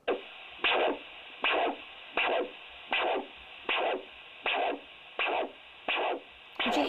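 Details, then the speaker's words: Doppler assessment for leg ulceration: regular pulsed arterial whooshes at about 80 a minute, each with two beats: a compromised biphasic waveform (versus normal triphasic). "now we'll move on to the second one which is a compromised waveform and it's biphasic so listen to the two bees"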